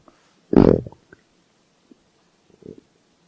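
A single loud, low gurgling growl with a few small bubbling sounds afterward: ordinary stomach growling from gas and fluid moving through the gut.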